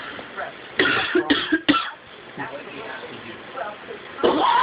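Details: Pet bird imitating a family member's cough: about four short, harsh, cough-like bursts; imitated cough.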